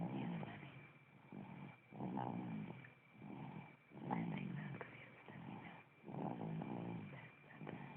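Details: Phone recording: rhythmic low rumbling snores with each breath, about 29 a minute, with a steady hum in the background; snoring.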